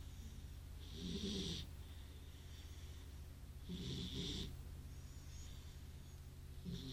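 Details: Sleeping beagle snoring after a good walk: regular cycles with a low rattling rumble and a hissing breath about every three seconds.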